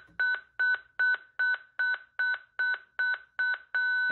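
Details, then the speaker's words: ZOLL X Series defibrillator charging to 120 joules for synchronized cardioversion demonstration: rapid repeating beeps at about 150 a minute while charging, turning into a steady tone when ready to shock. "our recommendation is then to go to 120 joules press the charge button"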